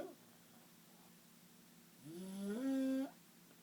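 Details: Snoring: a single loud, tonal snore with a rising, whistling pitch on the in-breath, after quiet breathing.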